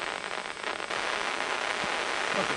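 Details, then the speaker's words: Amplified microelectrode recording of neural activity as the electrode is advanced through the brain during deep brain stimulation surgery for facial dystonia: dense rain-like crackling with faint pops, used to map brain areas by their firing signatures. "so we advance a recording electrode first through the brain and different areas of the brain have different signatures of neural activity so you're listening to the electrical amplification of neural activity"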